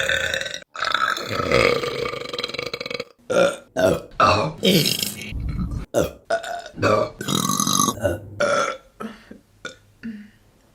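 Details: Burping compilation: a series of loud, rough belching sounds from different people, one after another.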